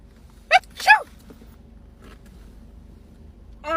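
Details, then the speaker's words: A short in-breath, then a sharp burst of noisy air and voice directed at another person as a prank; a single sneeze, possibly faked. "Did you just sneeze on me?"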